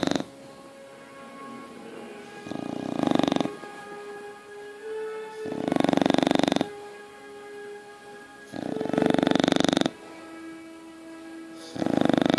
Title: Beethel the bulldog snoring